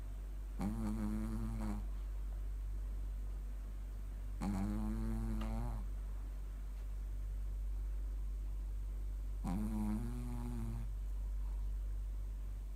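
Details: Three long, droning snores about every four seconds, roughly 15 breaths a minute, from a sleeping Shih Tzu dog over a steady low hum; snoring.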